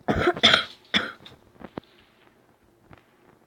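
Three quick harsh cough bursts in close succession, then faint room sounds; a plain cough.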